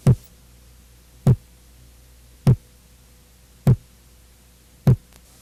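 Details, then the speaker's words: Regular, low heartbeats at about 50 a minute in an adult: a longer, lower first sound best heard at the mitral focus, then after a short pause a higher, shorter second sound from aortic and pulmonary valve closure; normal S1 and S2. "a segunda bolha vem depois de um curto se lance corresponde ao fechamento das válvulas aórtica e pulmonar o som da segunda bolha é mais agudo e sua duração é menor quando comparada à primeira bulha"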